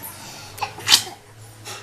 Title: CUTE BOY SNEEZE! | SNEEZING LITTLE | CUTE | BABY | OLD MERMORIES | INDIAN SNEEZE | DELHI-94